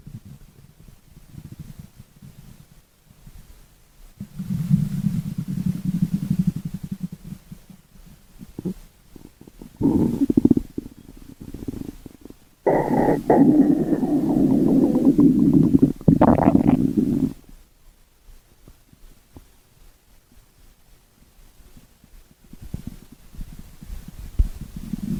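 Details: Stomach growling (borborygmi): low, rolling gurgles and rumbles in bursts between quiet stretches.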